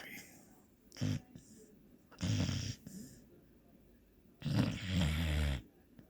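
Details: Sleeping dog snoring: low, rumbling, fluttering snores with each breath, some soft snorts between them.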